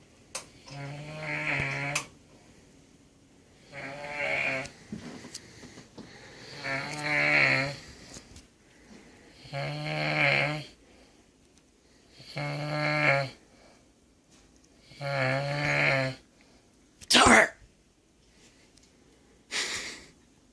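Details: Loud, rough, buzzing snoring roughly every two and a half seconds, with a couple of sharp snorts near the end.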